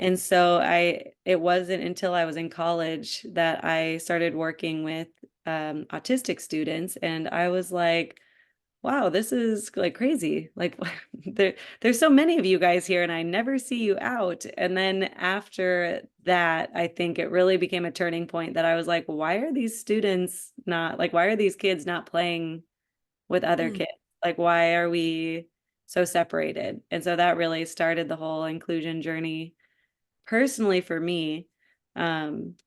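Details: Adult woman speaking; normal speech.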